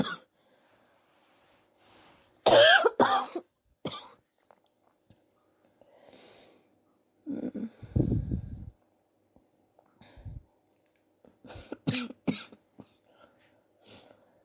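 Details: Adult's own cough, recorded over several weeks; sore from coughing, suspects bronchitis but unsure, chest x-ray planned to check for pneumonia: bouts of harsh, chesty coughing with a throaty rattle and breaths between.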